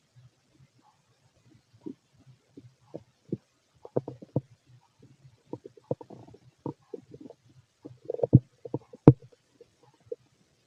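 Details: Irregular low gurgles and squelches from the belly of a fit male over about ten seconds: ordinary stomach rumbling, normal borborygmi.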